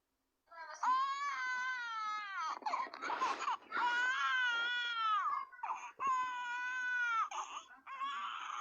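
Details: Baby crying with hiccups: sustained, high-pitched infant wails with brief catches between them.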